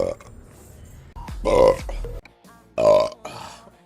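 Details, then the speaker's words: Gassy streamer during a live stream: two loud, drawn-out voiced belches with a few softer ones over faint background music; burping. "bob I'm not burping I'm [ __ ] deflating slowly"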